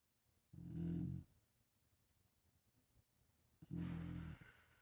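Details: Two deep, loud, rumbling snores about three seconds apart, with quiet breathing between, from a sleeping female; heavy snoring.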